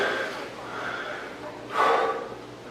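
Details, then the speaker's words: Person with Parkinson's disease having dyskinesia attributed to Sinemet, with muscles flexing and tightening. Heavy, effortful breathing with one forceful, snort-like exhale: laboured breathing during levodopa-induced dyskinesia. "And this is because of the Cinemet is what causes this. This is not Parkinson's disease."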